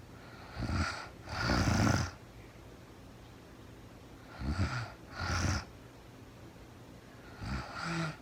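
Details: Real-time recording of a woman asleep overnight, very tired, no talking (labelled REM sleep): three low, rattling snores over about eight seconds with quiet pauses between; snoring.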